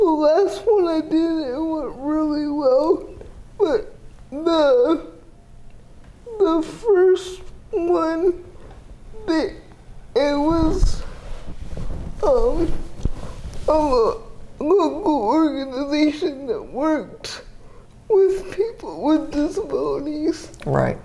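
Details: 30-year-old woman with GMFCS Level 4 cerebral palsy, quadriplegia with an athetoid component, affecting the speech muscles so her speech may be unclear; dysarthria (cerebral palsy).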